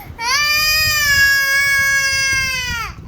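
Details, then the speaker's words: Infant boy crying because he is stopped from pouring milk from his feeder bottle onto the bed and refuses to drink: one long, loud, sustained wail, steady in pitch and falling away at the end; ordinary crying. "হ্যাঁ, আমার সে দুধ ফেলে দিতে চায়, খেতে চায় না। খাইতে হবে এমন না, ফেলে দেবে কেন? তাকে ফেলে ফেলে দিতে দেওয়া হচ্ছে না দেখে সে কাঁদতেছে।"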